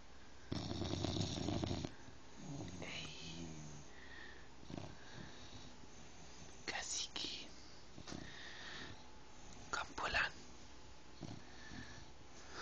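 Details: Rough, rattling snore bursts with quiet gaps and soft noises between from a sleeping 5-month-old bulldog puppy; snoring.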